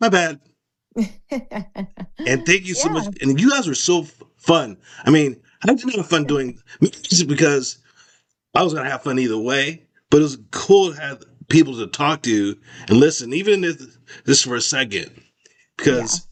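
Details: Expressive aphasia after a stroke around 2022 in an adult male survivor, recovering with speech therapy; his clinician describes severe expressive language difficulty early on and difficulty with dates and numbers.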